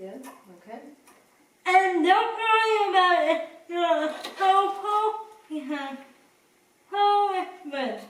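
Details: Dysarthria in a person with cerebral palsy.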